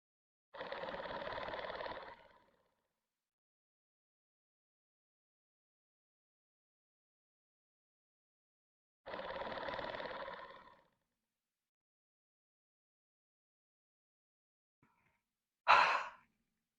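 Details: Two long, evenly rattling exhalations of about two seconds each through an Aerobika oscillating PEP device, then a short breath sound. Demonstrated sitting upright after inhalation with a brief breath hold, as bronchiectasis airway clearance.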